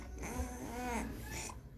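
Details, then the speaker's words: Infant with laryngomalacia: high-pitched, slightly musical inspiratory stridor on breathing in, typically worse with agitation or crying. "Nah, pada saat inspirasi bisa di dengar ada eee high pitch high pitch stridor ya, jadi ada slightly musical karakteristik pada stridor di laringomalasia."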